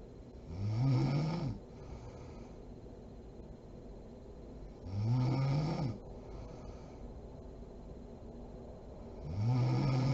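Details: Three loud rough snores on breathing in from a sleeping adult woman (mom), about 14 breaths a minute, with quieter breath noise between them; snoring.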